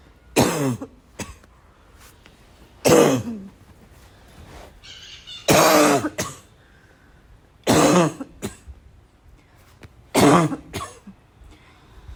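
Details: Person who cannot stop coughing: five harsh single coughs spaced a few seconds apart, mixed with throat clearing; persistent cough.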